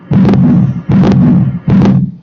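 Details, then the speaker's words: Heart sounds at about 75 beats a minute with a sustained low whooshing after each beat, played in a classroom lesson; hole in the atrial septum; atrial septal defect. "let's see what it sounds like when there's a hole in the atria right between the two hole in the atria yeah versus that atrial septum"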